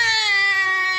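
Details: Single sustained, high-pitched cry with a clear, strong voice from a 3.5 kg female newborn being discharged to her mother; a vigorous newborn cry.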